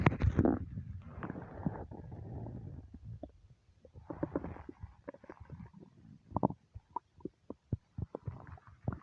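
Long gurgling rumble, then a run of short bubbling pops and squelches from the belly: ordinary bowel sounds, stomach growling.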